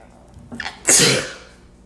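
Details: A short inhalation followed by one sharp, hissing burst of air; a single sneeze.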